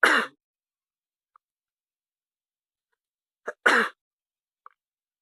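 Two short, sharp coughs a few seconds apart in a quiet room.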